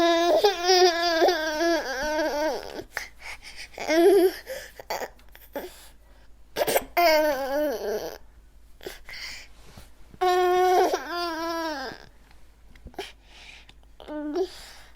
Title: ANGRY BABY SFX - SOUND EFFECT IRRITATED NEWBORN